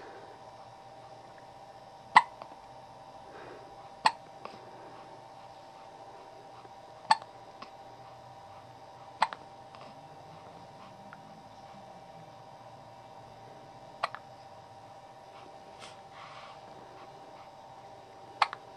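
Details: About one-week-old baby girl with hiccups: six sharp, brief hiccup clicks at irregular intervals, about one every three seconds, over steady background hum; hiccups.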